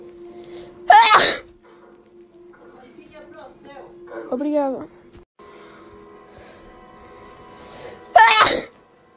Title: Cute Girl Sneezing 5